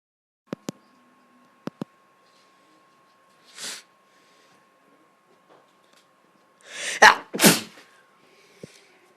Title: Lol i sneeze how to open youtube